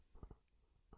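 Brief low gurgling rumbles in two or three soft bursts over a quiet room background: ordinary stomach rumbling (borborygmi).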